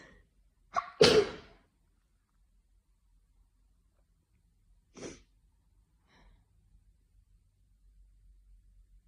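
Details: Afternoon sneezing fit attributed to hay fever: two sharp sneezes in quick succession, then a softer third sneeze after a pause.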